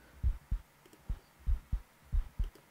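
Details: Own normal heartbeat recorded through a stethoscope diaphragm into a microphone: regular paired low thumps, roughly 80–90 beats a minute, with quiet between beats and some background noise.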